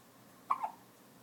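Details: Twin babies both getting hiccups at the same time; a single short, abrupt catch of breath with a brief voiced squeak, typical of one hiccup, in a quiet room.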